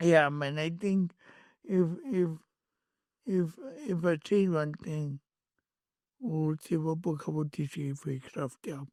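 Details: Adult male born with cerebral palsy, with a head injury from a car accident in June 2000 that affected his speech, walking and left-ear hearing; speech impairment (dysarthria).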